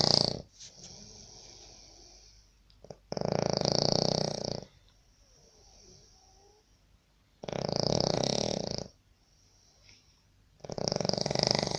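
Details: Sri Lankan snoring in a labour camp room in Baniyas, Abu Dhabi, disturbing roommates: loud, harsh, rattling snores on each breath in, roughly every four seconds, with quiet pauses.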